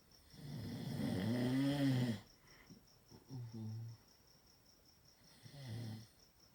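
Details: Chihuahua snoring: a long rumbling snore followed by shorter, softer snorts and breaths, with faint steady beeping in the background.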